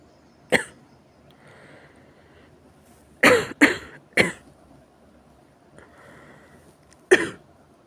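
Five harsh, forceful coughs in a quiet room, single and paired bursts separated by pauses.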